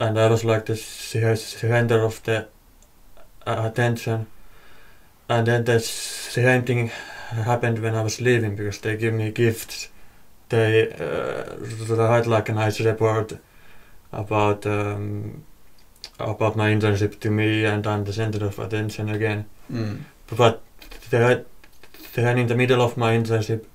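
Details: Stuttering in a podcast guest who stutters, has worked with the host on it, and reports stuttering a lot during an internship.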